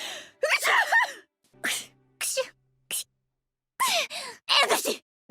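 Voiced gasps and sharp breath intakes leading into sneeze-like bursts from a cartoon character. Acted gasping and sneezing.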